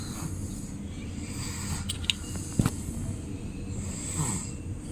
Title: Baby snoring (ख़र्राटे )😱 itne jor se kharrate #babyvoice #cutebaby #babysounds #babyvideo #snoring